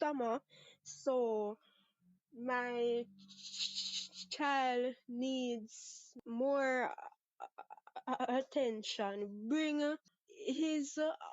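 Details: 23-year-old Jamaican woman who has stuttered since about age six, with a father and sister who also stutter, and no speech therapy; part-word and whole-word repetitions are audible; stuttering.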